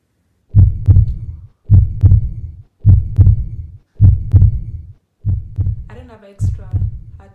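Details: Heart sounds through a new Littmann Cardiology IV stethoscope while testing it: steady loud lub-dub at about 52 beats a minute, with brief voice near the end.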